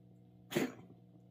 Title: My cat coughing